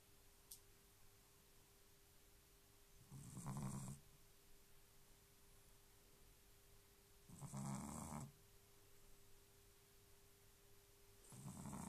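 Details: Sleeping dog with its tongue sticking out of its mouth, snoring very loudly: low, rumbling snores on each in-breath, about 15 a minute, with quiet pauses between; snoring.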